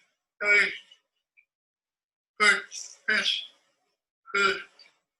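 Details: Man who had a stroke at age 30, about two years post stroke, with rigid, tight speech musculature, reading the Rainbow Passage; spastic dysarthria.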